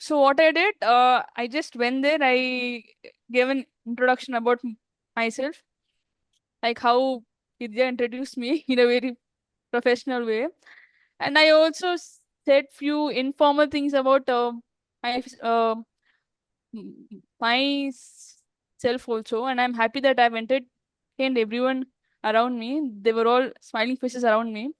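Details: Adult woman who stammers, in a real English-language podcast interview: stammering.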